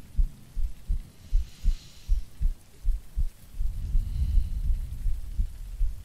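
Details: Soft, steady low heartbeats at about 80 a minute from an adult woman lying down in an ASMR sleep-aid recording with breathing, under rain and rumbling noise; normal resting heartbeat.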